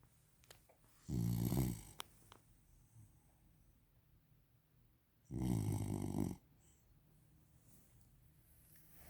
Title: Victorian Bulldog Sleeping, Snoring Again#eastcoastinbulldog #victorianbulldog #snoringbulldogpuppy